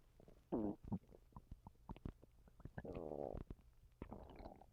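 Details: Stomach noises from a person who has recently been sick and vomiting: gurgling, squelching sounds with short groaning tones and scattered pops; bowel sounds (borborygmi).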